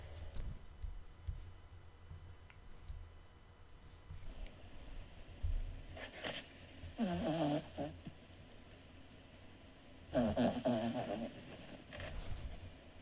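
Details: Two rough, rattling snore bursts on breaths in, separated by quieter breathing, from Shrimp, a small sleeping dog; ordinary snoring.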